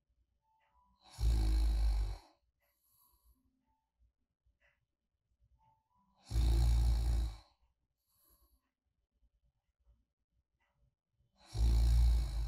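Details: Soft, light, regular snores on each in-breath, about 12 per minute, with quiet pauses between, a person sleeping peacefully nearby; snoring ASMR white noise.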